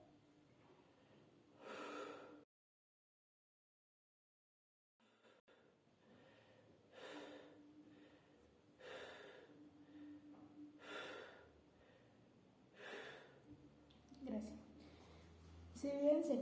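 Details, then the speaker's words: Respiratory physiotherapy auscultation with stethoscope bell while the patient breathes on request: soft, regular breaths without wheezes or crackles, normal vesicular breath sounds. "bien se escucha tiene una respiración, un murmullo vesicular que es la respiración normal, la auscultación normal."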